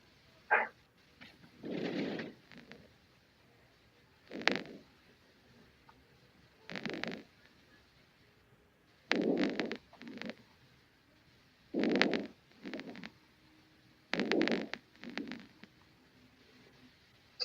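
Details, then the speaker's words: Normal vesicular breath sounds heard by stethoscope over the lung fields away from the spine: soft, low rustling breaths in regular cycles, a normal vesicular murmur. "Bien, entonces ese es el ruido del murmullo vesicular de toda la vida. Bien, es el murmullo vesicular de toda la Entonces, este murmullo vesicular es el ruido más común que vamos a escuchar al colocar el estetoscopio dentro de los campos."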